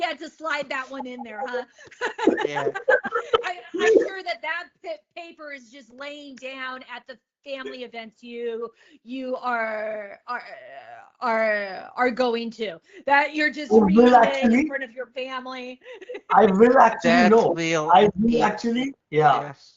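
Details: Adult woman, a comedian, who has stuttered since age eight and speaks openly about it; real stuttering.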